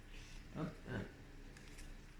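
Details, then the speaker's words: Small dog sleeping, snoring: two soft, low rumbling snorts over faint room noise; snoring. "Je sais pas si vous entendez mon petit chien, il ronfle, il ronfle. Il m'a réclamé à manger ce matin là, et puis il est reparti se coucher, peinard, tranquille."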